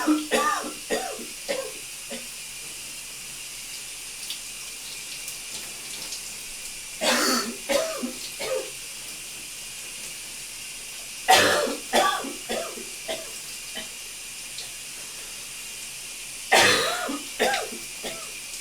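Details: Adult male coughing in a steamy shower: three bouts of several wet, loose coughs over running shower water; a productive cough bringing up mucus.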